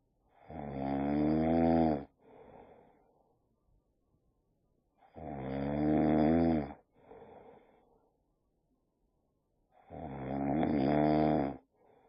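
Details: Boxer dog sleeping with open eyes, tired after a long walk: three loud, buzzing, tonal inspiratory snores, each followed by a softer rushing exhale, about 13 breaths a minute; snoring.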